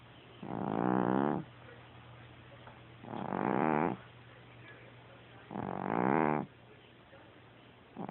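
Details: Very loud snoring: three rumbling, vibrating snores about 2.5 seconds apart, roughly 25 a minute, with quiet pauses between.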